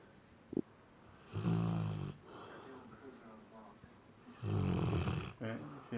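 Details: Sleeping Labrador Retriever snoring while apparently dreaming, with eyes moving and twitching the owner likens to convulsions: two loud, low rattling snores on in-breaths with quieter breathing between; snoring.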